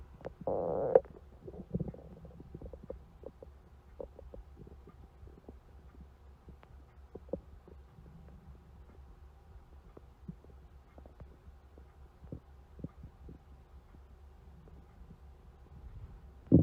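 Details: Stomach growling: faint low gurgles and rumbles with scattered soft pops over quiet hiss, normal borborygmi.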